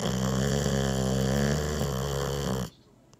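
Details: Labrador dog deeply asleep after a meal, leaning against the owner: loud, rumbling, fluttering snore, then quiet; ordinary snoring in sleep.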